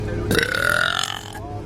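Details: Girl belching: one long, loud, voiced belch of just over a second, rising and then fading, over faint background noise.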